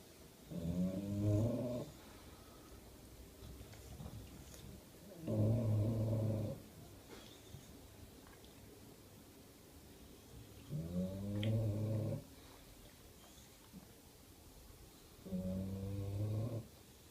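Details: Sleeping bulldog snoring: four loud, rumbling snores at about 13 breaths a minute with quiet pauses between them.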